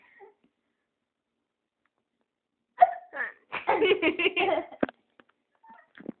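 A sharp catch of breath followed by a run of quick, jerky voiced bursts, fitting hiccups mixed with laughter.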